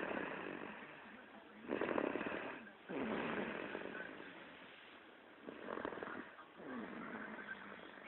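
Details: Snoring: loud rattling snores on each breath in, with quieter breaths out between, about four breaths over eight seconds.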